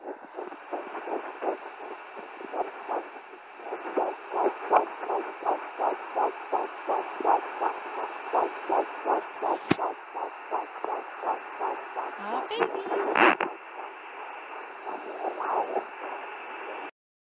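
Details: Fetal heartbeat at 11 weeks 3 days on a home fetal Doppler, found very low on the left side of the mother's abdomen; the device shows no rate. Rapid galloping whoosh with static hiss, about 165 beats a minute.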